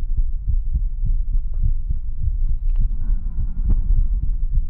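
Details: Steady low thumping heartbeat at roughly 75–85 beats a minute with paired lub-dub sounds, in a relaxation ASMR recording. Normal regular heartbeat.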